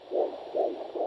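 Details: Soft rhythmic whooshing pulses on a handheld fetal Doppler during pregnancy checks: a swishing vascular flow sound rather than fetal heart clicks; a very slow rate would indicate a maternal vessel.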